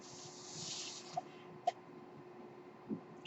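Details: Speaker's own home mechanical ventilator running in the background while talking.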